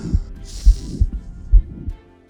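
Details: Mitral stenosis murmur, possibly heard over the mitral area with the patient rolled onto the left side during expiration: low, dull heart sounds with a faint low rumble between beats.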